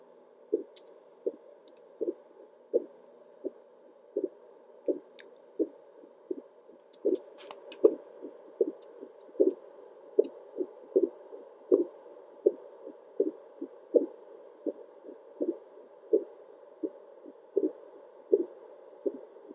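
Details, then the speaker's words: Own heartbeat recorded with a Doppler monitor at about 78–80 beats per minute; steady, rhythmic whooshing pulses over faint static hiss that grow louder with deep breaths; a normal heartbeat. "every time i take a big deep breath my heartbeat sounds so much louder i am currently filming this at 1 13 in the morning a.m so these sounds are just rocking me to sleep"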